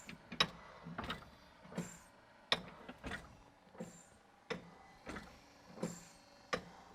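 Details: TU Delft Project Inspiration invasive mechanical ventilator with PEEP valve, based on the East Radcliffe design, being set up: repeated mechanical clicks and soft whooshes at an irregular pace, likely cam-driven cycling and valves opening.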